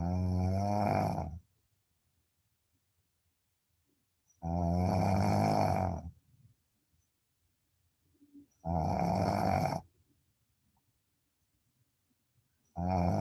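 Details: Deep-sleep snoring: regular low, throaty snores at about 14 per minute with silent pauses between breaths.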